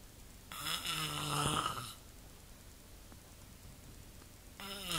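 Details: Father snoring in the middle of the night: a single loud, rough, tonal breath noise during sleep, then quiet before the next.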